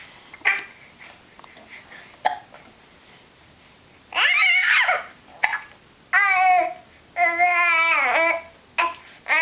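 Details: Infant hiccups while playing with mother: brief sharp catches in breathing between squeals, giggles, laughter and babbling.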